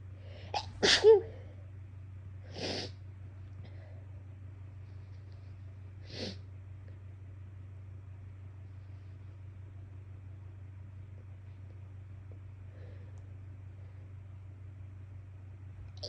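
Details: Person with an itchy, bothersome nose has a sneezing fit in a car: three sneezes, the first loudest with a short lead-in breath, then quiet engine hum.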